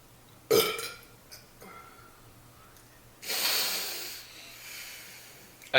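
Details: Two loud burps separated by a pause, against quiet room noise: burping.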